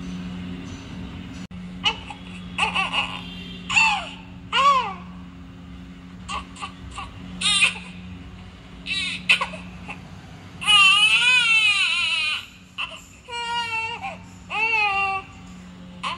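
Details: Baby crying: short fussy whimpers building into longer wavering wails over a steady room hum; an ordinary infant cry.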